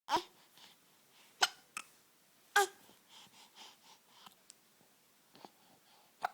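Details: Infant who always starts hiccuping after laughing: about five sharp, abrupt hiccups with soft breathy sounds in between.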